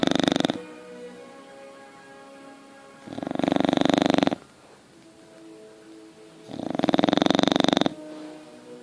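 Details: Bulldog snoring: loud, rattling snores on each breath about three seconds apart, with quieter whistling breaths between.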